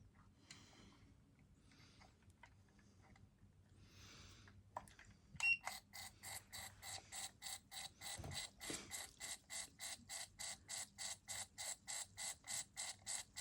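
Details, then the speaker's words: Kaugic camera ear wax removal kit's electronic irrigator on its spray setting, rhythmic hissing water pulses about 100 a minute after handling noise; user, trying it for the first time, finds it unexpectedly strong with poor seal on the ear. "And I'm going to hit this little button that says spray. Ah. Oh my gosh. I was not expecting it to be that strong."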